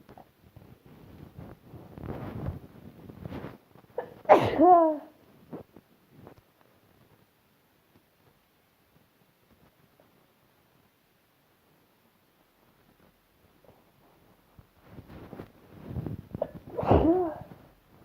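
Two sneezes after brief build-up breaths, separated by a long quiet gap; ordinary sneezing.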